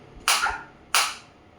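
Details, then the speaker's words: Focused (not radial) extracorporeal shockwave therapy device firing, applicator held on the operator's own hand, intensity around 11–15, frequency raised to 120 in steps of 30; two sharp, loud, quickly fading cracks about 0.7 s apart. "now I will increase the frequency 120 in the multiple of 30 it will increase you can feel the difference you can feel the difference in the sound also"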